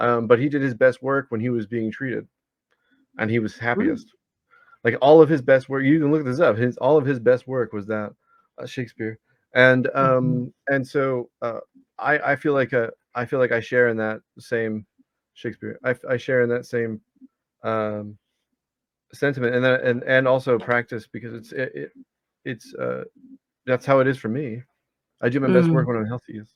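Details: 34-year-old man with Tourette's disorder whose involuntary recurring vocal tic is the word "Shakespeare"; vocal tic (Tourette's disorder).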